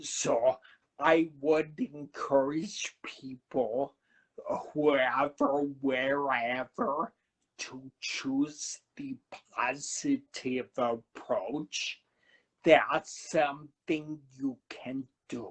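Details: Adult man who had a cerebellar stroke at 35 in September 2013, could not talk at first, has a paralyzed vocal cord (permanent laryngitis-like) and aphasia; finding: dysarthria with dysphonia after stroke.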